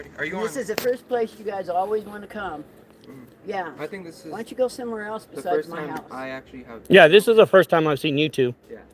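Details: Adult speaker; normal speech.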